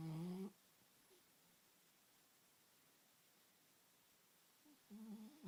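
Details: Two brief, low buzzing snores, one at each end, separated by about four seconds of quiet room; snoring.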